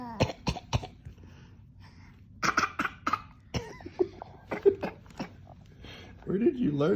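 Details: Young child gives two sets of three short, forced coughs in play, pretending to be sick: voluntary pretend cough.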